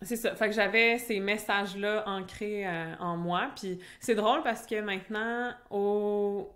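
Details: Stuttering in an adult woman who stutters, a doctoral candidate in speech-language pathology, speaking French.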